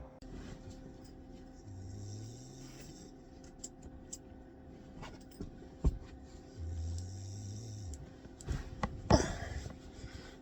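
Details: Snoring: two low, droning snores about five seconds apart in a quiet room, with faint clicks and rustling.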